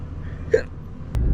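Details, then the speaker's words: Adult hiccup while driving a car on delivery: a single sharp hiccup with a brief voiced squeak over low road rumble inside the car. "Why does this sound like I'm dying whenever I hiccup?"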